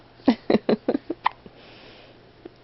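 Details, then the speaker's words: Bout of hiccups in the morning: a quick run of about six short, sharp voiced catches, then a single later one. "good morning charlie do you have the hiccups uh oh hiccups i used to have them all the time in mommy's tummy"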